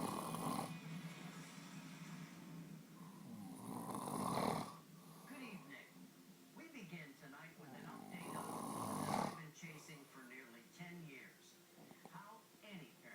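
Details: Husband snoring while Daisy looks on: loud, rough snoring sounds recurring with each breath during sleep, with some background noise.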